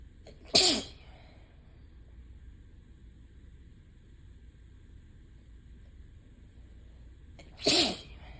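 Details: Person with ragweed allergy who is losing their voice gives two sharp, wet, hissing sneezes about seven seconds apart over a low room hum; allergy sneezes.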